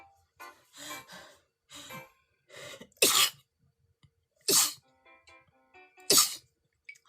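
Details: Korean streamer with a cold: three loud, sharp sneezes about every one and a half seconds, each after a brief intake, with music in the background. Sneezing.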